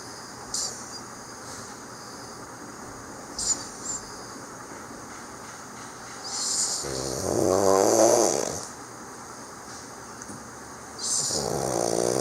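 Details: Adult man snoring during holidays: two loud rattling snores several seconds apart over steady background hiss.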